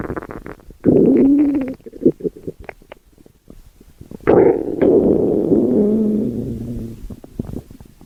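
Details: Stomach growling (borborygmi): two long, low gurgling rumbles with scattered short pops and bubbling between them.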